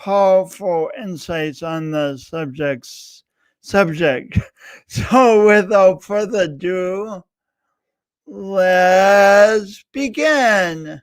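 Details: Adult man with a self-described speech impediment of unnamed type; disfluency; speech impediment.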